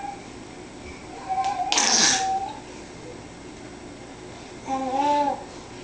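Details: Young child imitating a cough: one short, breathy cough-like burst, then a brief voiced babble in a quiet room; a playful imitated cough.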